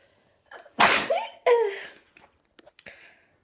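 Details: Person sneezing repeatedly, wearing an irritating fake nose piercing: a short in-breath, then one loud explosive sneeze with a trailing vocal tail and a few small sniffs after; a single sneeze.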